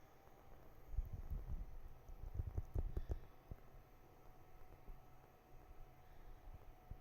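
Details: Sleeping cat in a quiet room making soft, low rumbling bursts with each breath; gentle snoring.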